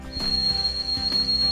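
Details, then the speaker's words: Tinnitus simulation: steady, piercing high-pitched ringing tone, as some people with tinnitus perceive it. "some experience a high-pitched ringing sound something like this"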